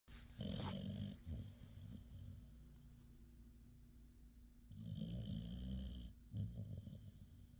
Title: Snoring Puppy